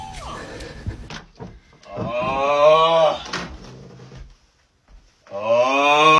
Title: Ranking funny snoring sounds #funny #snoring